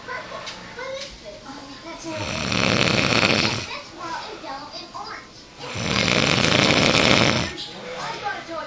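Two long, loud, rough rattling snores a few seconds apart, with quieter breathing and faint background voices between them; snoring.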